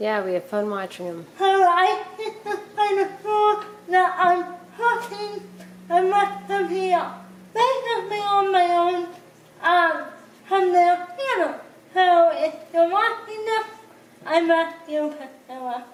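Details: Dysarthria in a woman with cerebral palsy who cooks independently with limited help.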